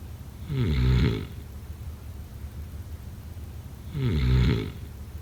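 Two deep, rumbling inspiratory snores about 3.5 seconds apart, with quiet breathing between them; ordinary snoring during sleep.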